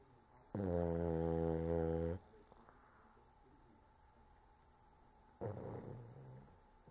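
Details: Dog named Cork snoring while asleep: one long, deep rumbling snore then a shorter rough breath; ordinary snoring.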